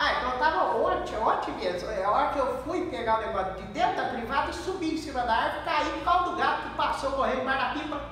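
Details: Acted Wernicke's aphasia in a Brazilian Portuguese comedy sketch: a male character gives fluent, empty, disconnected speech.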